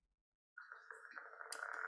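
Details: Needle EMG recording in myotonic dystrophy: a buzzing tone that steadily grows louder, ending in a low thump, the characteristic myotonic discharge or 'dive-bomber' sound.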